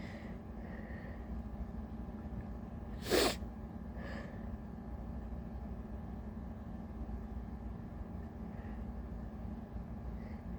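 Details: Sneezing fit with big buildups, later followed by two coughing fits, in a very tired person: a single sharp, explosive sneeze with a faint breathy catch after it, over a steady low room hum.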